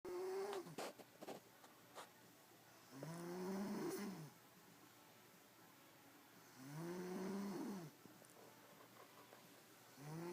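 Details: Person snoring in deep sleep, exhausted after a full day of dancing: slow, rhythmic rattling snores, about 17 a minute, with quiet room noise between them.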